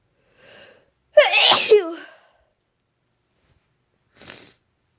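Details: Induced sneeze after months without inducing: a faint breath in, then one loud explosive sneeze with a voiced cry, and a brief sniff or exhale after, in a quiet room.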